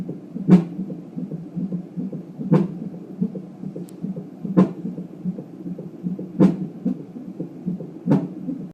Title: My little thumper has the hiccups